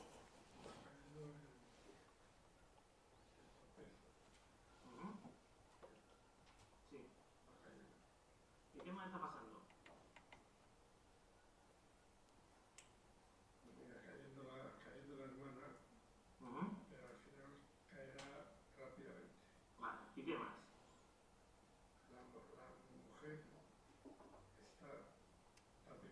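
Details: Spanish-speaking patient with Broca's aphasia describing the cookie theft picture; disorganized, hard-to-understand speech though picture elements are named.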